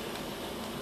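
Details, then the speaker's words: Oxygen concentrator, a 10-litre machine with flow adjustable 0–10 L/min, running after being switched on at the back manual switch and front, with humidifier bottle and nasal cannula attached: steady whooshing hum of machine airflow. "you turn on the manual switch at the back after that proceed to turn on from here so the oxygen concentrator will start working"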